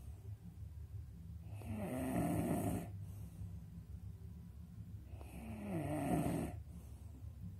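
Rough snores on each breath in, about 16 a minute, over low room noise.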